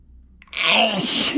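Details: Sneezing induced with chhinkni (sneezing powder): brief quiet intake, then one loud, forceful, harsh sneeze burst, throat-scraping hard enough to make the throat sore; sneeze.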